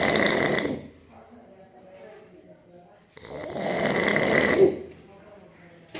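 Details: Two loud, rough, rattling snores, each under a second, separated by a quiet exhale; snoring.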